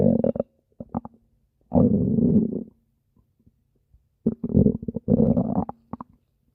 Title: Spinel’s stomach growling (request) (READ DESCRIPTION FOR REQUESTS)